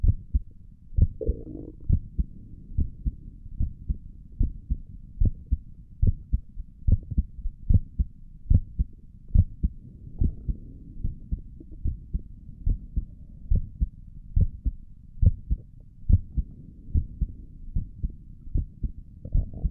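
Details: Heartbeat recorded via stethoscope on own chest while relaxing: steady, soft lub-dub double thumps about 70 a minute with faint rubbing noise; stomach gurgles occur in the recording; normal heart sounds.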